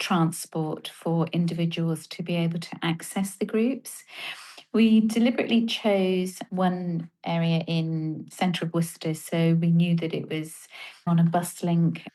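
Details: Adult woman speaking; normal speech.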